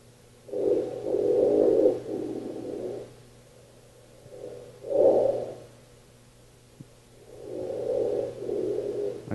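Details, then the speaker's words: Recovery breathing after a hypopnea on a first-night sleep study recording: loud snoring breaths swell, fade to quiet, then return loudly, about 17 a minute, in a repeating loud-quiet cycle after partial breathing. "your recovery breathing you can see by the intensity at the top it starts going down again in volume so that's a repeat repeat of the cycle"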